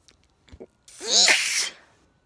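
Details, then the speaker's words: Person sitting outdoors under a summer pavilion tent at night, in a bout of repeated sneezes: a short indrawn breath, then one forceful, hissing sneeze. Sneeze. "really oh well I think that sneezing is finished oh"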